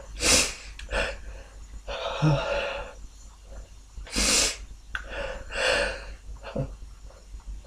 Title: Sniffles, fewUnstifled, few stifles, few nose blows and some very stuck sneezes toward the end!